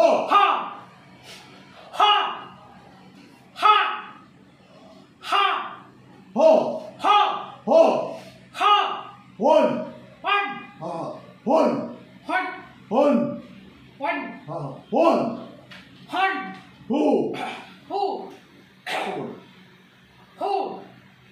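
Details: Male patient with puberphonia vocalizing during a voice treatment session, raising and lowering his arm and holding his abdomen as a clinician directs; puberphonia voice therapy exercise.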